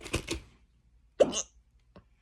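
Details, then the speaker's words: Hiccups: a sudden short catch of breath with a soft vocal click, repeated once faintly in a quiet room. "hiccups time it's been a while trying to feed the Doodles but he don't want to eat that was a good one"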